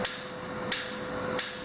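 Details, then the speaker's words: Shock waves delivered by an extracorporeal shock wave lithotripter (ESWL), with the C-arm used for fluoroscopy: sharp snapping clicks about every 0.67 seconds, roughly 90 a minute, over a steady hum. "you always put it back in Shockwave because the urologists may want to raise the energy lower it whatever okay so when the shock waves are being applied"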